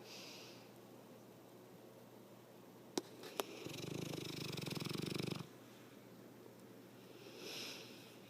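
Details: Snoring: a couple of sharp clicks, then a single rough, fluttering snore lasting about two seconds against quiet room noise.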